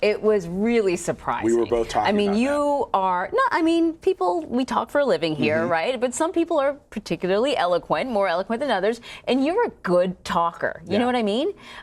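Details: Adult woman speaking; normal speech.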